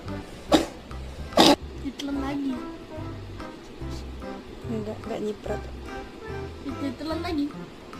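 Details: Two sharp, explosive coughs over background music from a cat sick with flu, also sneezing and with a runny nose; its sibling cats are sick too: cough.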